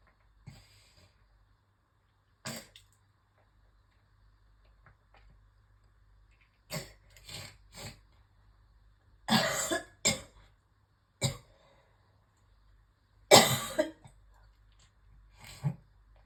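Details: Bursts of harsh coughing in clusters with throat clearing and pauses: a coughing fit with retching while brushing teeth, leaving the person nauseous, followed by spitting up heavy phlegm.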